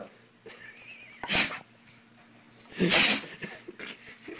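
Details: Dog gives two sharp, hissing sneezes about a second and a half apart, with faint room hum and soft whining between them; sneeze.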